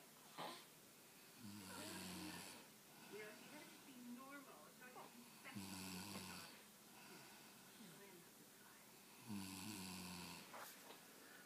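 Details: Adult woman (mother) snoring, deeply asleep: three loud, low, rattling snores about every four seconds, roughly 16 breaths a minute, with faint background voices.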